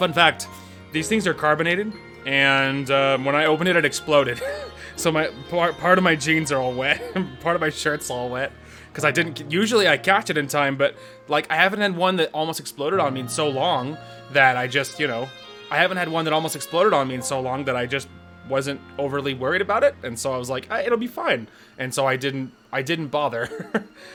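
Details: Male adult with self-reported stuttering, with repeated and broken phrases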